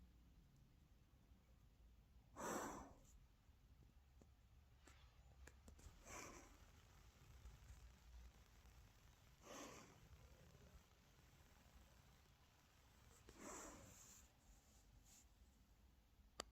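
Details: Soft, noisy breaths spaced several seconds apart in a quiet room, about 15 a minute: gentle snoring while sleeping on a person's shoulder.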